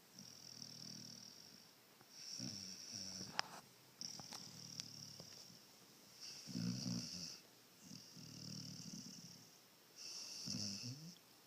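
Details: A pup in a quiet room gives repeated rattling snores with a whistling nasal tone on each breath, about 8 breaths a minute.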